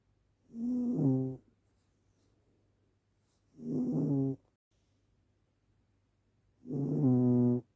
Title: Gently snoring cat